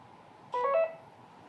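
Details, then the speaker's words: Syringe pump with critical-care drug library switched on for noradrenaline infusion setup, giving a brief two-tone chime during its start-up self-test over quiet room noise. "So to use this you can just press the turn it on and it will do like a self test."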